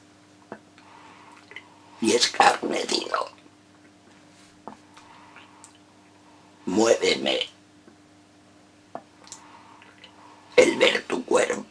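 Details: Esophageal speech in a man reciting a sonnet as a voice exercise.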